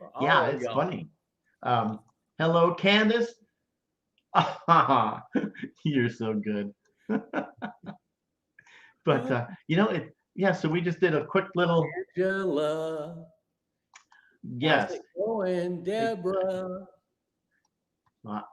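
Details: Stroke survivor with aphasia caused by a stroke about 9.5 years earlier, speaking live; aphasia.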